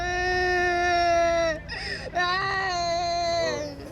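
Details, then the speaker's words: Child knocked off his bike, asthmatic using an inhaler, assessed by a motorcycle paramedic: loud, sustained high-pitched crying with a catch and sob, then wailing; a child crying in pain. "in a lot of pain and Steve's first job is to make him a bit more comfortable"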